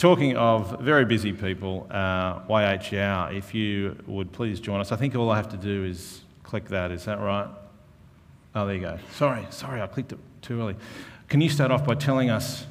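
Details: Adult man speaking; normal voice.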